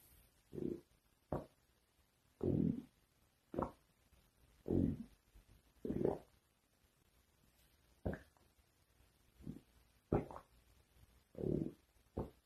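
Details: Stomach growling (borborygmi): low gurgling rumbles in irregular bursts with quiet gaps between them.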